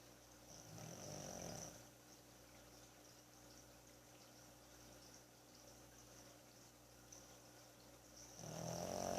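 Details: Pug snoring: soft, low snoring sounds at the start and end over a steady background hum, typical of a short-nosed dog.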